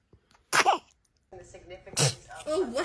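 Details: Baby's single sharp, unusual-sounding sneeze, followed by adults saying bless you; ordinary infant sneeze.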